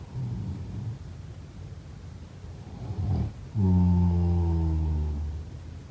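Soft noisy breathing, then one loud, low, buzzing snore lasting under two seconds with a steady vibrating tone, typical of snoring.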